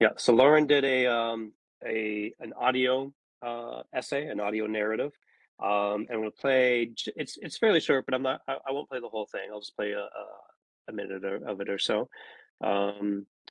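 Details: Adult man speaking, online meeting; Ordinary conversational speech.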